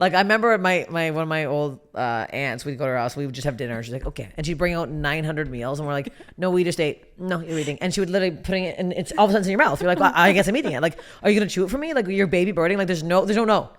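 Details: Adult speaker; typical speech.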